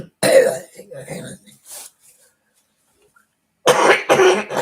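Harsh, congested throat-clearing and coughing in two bursts separated by a brief silence, heard as a coughing fit with forceful throat clearing.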